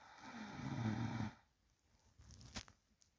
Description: Real sound of sleeping person breathing and low snoring.